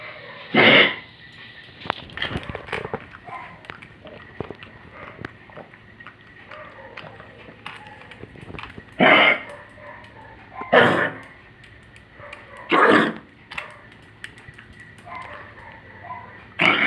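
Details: Old dog with congestive heart failure gives several harsh, honking coughs spaced irregularly.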